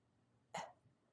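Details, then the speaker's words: Goose-honk cough of tracheal collapse in small-breed dogs, often triggered by touching or manipulating the trachea; a human imitation, not a real dog: one loud, harsh, honking cough burst. "And again, that's that loud goose honk kind of cough. So, if you touch the trachea or you manipulate the trachea and the dog has this"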